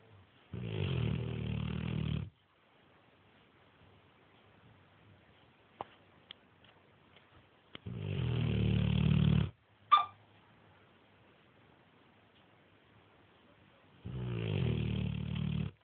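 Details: Neapolitan mastiff snoring: three deep, rumbling snores about every six to seven seconds, with near silence and small clicks between them.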